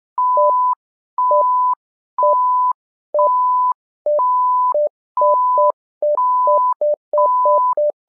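Simulated bedside monitor giving a steady repeating pattern of electronic beeps and tones, about one cycle per second.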